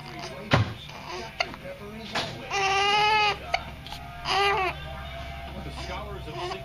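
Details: Baby boy with hiccups who dislikes them: short, strained infant cries broken by sharp hiccup catches, over an adult talking and background music.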